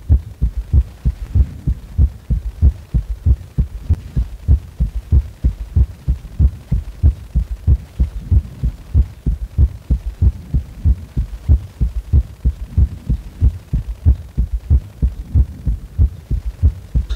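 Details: Heart sounds recorded lying supine at rest: deep, regular lub-dub thumps at about 94 a minute; normal heart sounds.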